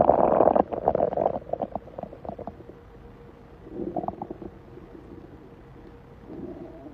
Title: Male stomach growling - on TikTok